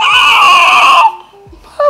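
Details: A three-day-old baby boy gives one loud, strained cry lasting about a second, then quiet fussing, during a feeding attempt with an imperfect latch; an ordinary newborn cry.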